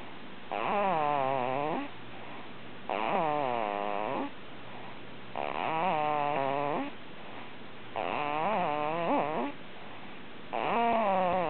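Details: regular loud, rattling snores about every 2.5 seconds, roughly 24 a minute, with quiet pauses between; snoring.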